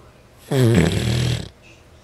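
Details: Man sleeping and snoring heavily: a single loud, deep, rattling snore lasting about a second in a quiet room.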